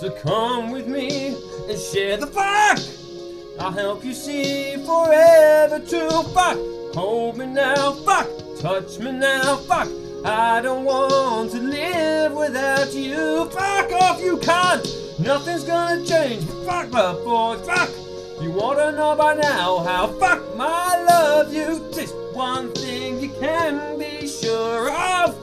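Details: Singer with Tourette syndrome singing karaoke; involuntary obscene words and shouts interrupt the lyrics; coprolalia (vocal tics) in Tourette syndrome.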